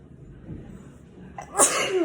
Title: Live sneezing